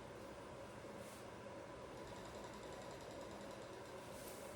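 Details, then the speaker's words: Continuous rapid fluttering rattle from a sustained active exhale through an Aerobika oscillating positive expiratory pressure device, with the patient's cheeks held in; oscillating PEP exhalation. "One thing that we want to make sure to do is keep your cheeks in against your face. We don't want to let your cheeks get any of the vibrations themselves and just take it from your lungs."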